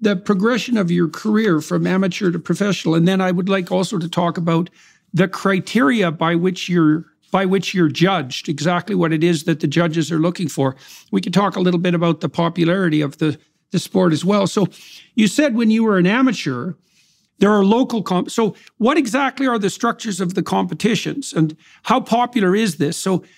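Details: Adult male speaker; normal speech.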